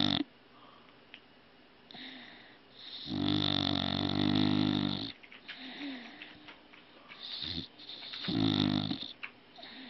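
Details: Loud rattling snores about 4 seconds apart with quieter breathing between, in a small room; ordinary snoring during sleep.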